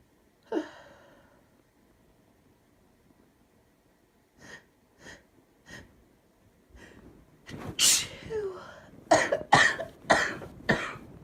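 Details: A woman sick with a bad bug: a sneeze, then several short soft bursts, ending in a run of loud, harsh coughs during the illness; cough.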